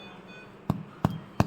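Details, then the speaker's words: Tympanic, hyperresonant percussion note over the hyperinflated lung in a chronic smoker with a massive pleural effusion on the other side, suspected malignancy or tuberculosis, contrasted with a stony dull note over the fluid. "You can hear this sound. Tympanic node is there. Tympanic node."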